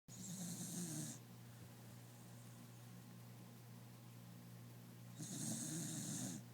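Two raspy, fluttering breath sounds about four seconds apart, with quiet breathing between: a dog snoring.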